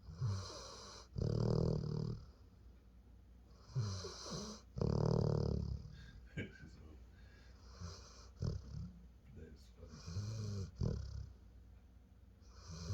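Deep, rumbling snores from a sleeping dog, loud on each breath in with quieter breaths out between, in a quiet room.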